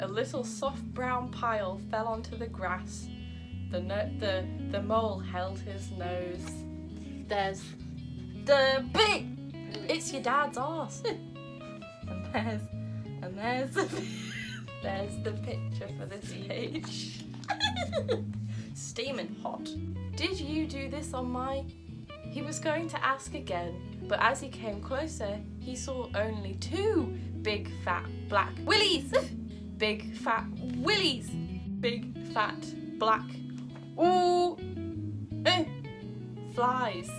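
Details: Adult woman with Tourette syndrome reading a children's story aloud; vocal tics interrupt the reading with inserted words, repetitions and swearing; vocal tics (Tourette syndrome).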